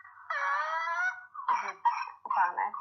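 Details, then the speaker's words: Whooping cough (pertussis), a bacterial infection: a long high-pitched crowing intake of breath like a rooster's crow at the end of coughing, then short cough bursts, the characteristic whoop. "ايه اللي بيميز الووبنج كاف ده، بيميز الووبنج كاف انك بتلاقي صوت ايه، صوت زي صوت الديك في نهاية الكحة كده، تلاقي هو خلاص هيخلص الكحة كده، تلاقي في صوت طالع كده زي صوت الديك."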